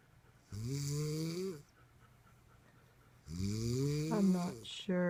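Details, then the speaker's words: Snoring during sleep while using an anti-snoring device of uncertain effect: loud, low, rattling snores on two breaths, the second ending in a snort. "if the snoring device is actually working. I'm not sure."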